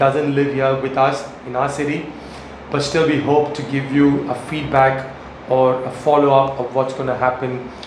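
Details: Adult male speaker; Normal speech.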